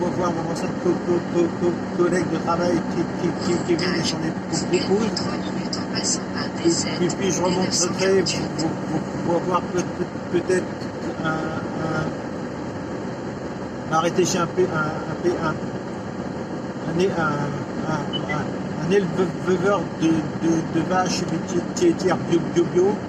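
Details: Adult French-speaking male vlogger who stutters; he says his stuttering worsens when recalling a stressful period around 2004. Finding: stuttering.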